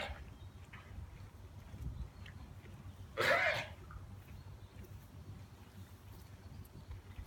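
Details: Ewe in a farm shed: a single short, explosive cough against the low hum of the shed.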